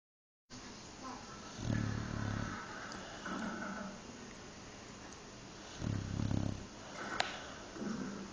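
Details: Low rumbling snores with a soft purring quality over a steady hiss of background noise during a nap; snoring.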